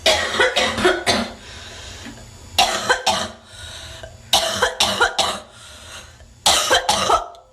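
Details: Woman's coughing attack, possibly a smoker (uploader's guess): clusters of harsh, congested, rattly coughs with snot hocking between bouts; a wet, productive coughing fit.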